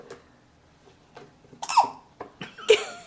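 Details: Five-month-old baby boy: short, sharp hiccup catches mixed with soft giggles; ordinary infant hiccups.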